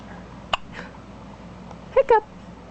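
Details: Little D with hiccups: three short, sharp voiced gulps over a quiet background.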